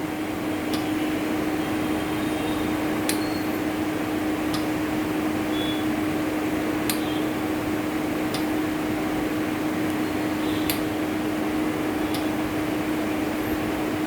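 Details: AVIA Transvent 2.0 transport ventilator running: steady mechanical hum with a low tone and scattered small clicks. The unit has adjustable flow, FiO2 60–100%, a timed mode with PIP setting, and a CPAP mode.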